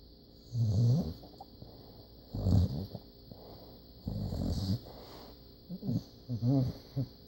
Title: Puppy snores!!!!